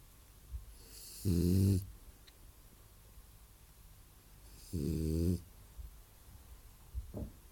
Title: Boss Snores